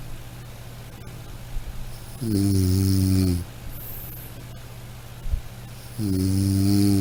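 Two rumbling snores on breathing in, roughly four seconds apart, over a faint steady low hum.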